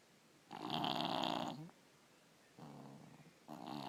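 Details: Snoring in a 3-year-old with strep throat, usually a snorer but worse now, ENT visit considered: harsh, rattling snores on each breath, loud for a small child, in a quiet room.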